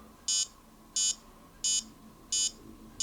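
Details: High-pitched electronic beeps, about 88 a minute, from a HYLOGY fingertip pulse oximeter in time with the pulse during a user's self-test reading; a normal pulse oximeter beep.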